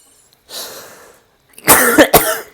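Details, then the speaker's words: An adult with asthma coughs after laughing: a noisy snort-like breath, then a short burst of about three harsh coughs; asthmatic cough. "Excuse Excuse me. Asthma and laughing don't go well together."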